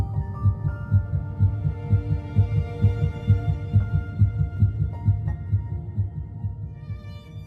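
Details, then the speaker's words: Fetal heartbeat: rapid, regular whooshing thumps at about 130 a minute on ultrasound doppler, with soft music behind. "At 3 weeks and 1 day, just 22 days after fertilization, heartbeat can be detected."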